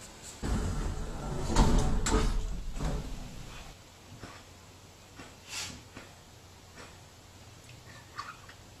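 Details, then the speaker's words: Dog being treated for heart failure, which the owner reports is still coughing, making heavy, rapid, laboured noisy breaths that fade to softer breaths; this is very severe dyspnoea, not coughing. "so the noise that this dog is making is due to a very severe Disney this is not coughing"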